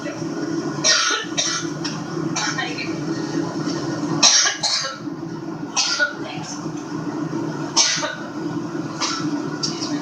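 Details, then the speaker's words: A woman, aboard her campaign plane during a press conference, 9/5/2016, has her second coughing fit of the day: repeated short, harsh coughs in rapid succession over steady cabin drone. "Well, that was her press conference there aboard her new campaign plan interrupted by a coughing fit."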